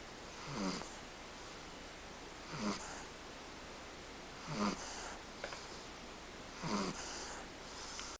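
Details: 10-month-old baby snoring: soft, regular snoring sounds with each breath, about 30 breaths a minute, over steady room noise.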